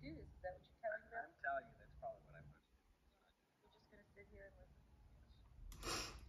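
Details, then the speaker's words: Faint, muffled, unclear speech simulating unaided hearing in the right ear of a female listener who hears about 48% of speech sounds there without hearing aids: simulated hearing loss. "so let's listen to what it might sound like for her to listen without her hearing aids and that's in the left ear let's try the right ear it is a little bit better"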